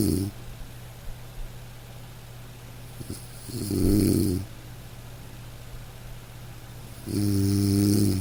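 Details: Slow, gentle rumbling snores, about one every four seconds, from a sleeping dog over a steady background of light rain; relaxing sleep sound recording.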